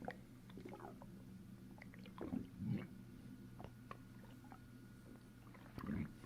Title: Fist pushing down my stomach. Gurgling noise